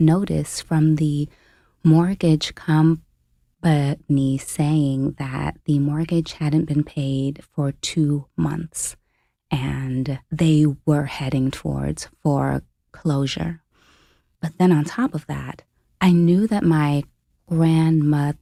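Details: Adult woman, a full-time family caregiver since age 29, with a self-reported stutter; real, unscripted speech; stuttering.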